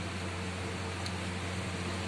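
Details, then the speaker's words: Portable electric oxygen concentrator with its main motor switched on: a steady low motor hum with soft airflow noise and no beeps, a nearly soundless machine. "So now the machine is on, and you will be delighted to see this is totally a soundless machine. There is hardly any noise."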